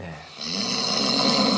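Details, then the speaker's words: Stage 2 snoring during sleep: loud, harsh snore building on an in-breath, louder than before, straining to pull in air as the airway partly blocks, impairing oxygen supply; obstructive snoring. "코를 고으면 호흡이 막히면서 산소 공급이 어려움이 생겼다는 뜻이잖아요."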